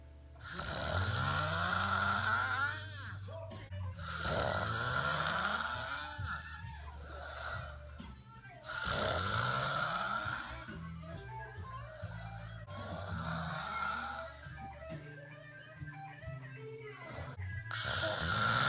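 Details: Loud, rough, rattling snores on each breath in, with quieter breaths out between them, in a regular sleeping rhythm: snoring.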